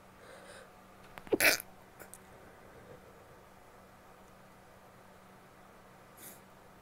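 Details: A female's stifled sneezes: a short, hissing burst held back through a closed mouth, then a fainter second one later.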